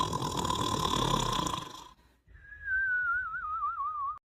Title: Snoring and Whistling in 39 seconds